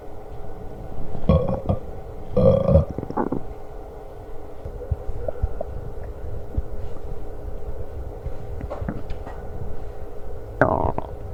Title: Stomach Growling while eating Lunch w/ Burps